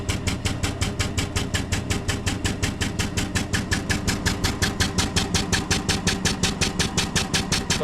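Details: 3100B high frequency oscillatory ventilator on an adult setup, demonstrated to respiratory care students, I-time 0.33, 5 Hz (300 breaths/min): loud, very rapid, steady thumping about five pulses a second.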